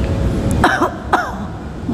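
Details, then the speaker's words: Adult demonstrating cough etiquette gives two short, deliberate voluntary coughs, slightly muffled as if into the sleeve, over steady low room or traffic noise. "Ketika anda batuk etikanya adalah satu gunakan lengan baju anda nikmati ini tutup seperti ini ya"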